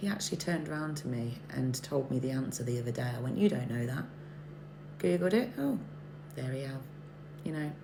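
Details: Adult speaker; Ordinary speech.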